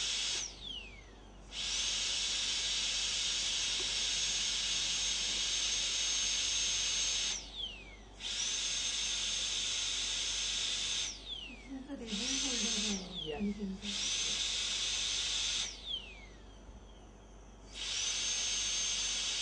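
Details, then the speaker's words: Dental drill with an end-cutting bur smoothing the 360° margin in small strokes during a molar crown preparation for a PFM crown, with a buccal radial shoulder and lingual deep chamfer; high-pitched whine in repeated bursts winding up and down. "see how I'm going to small full Strokes towards you and the entire margin becomes smooth okay so continue the same"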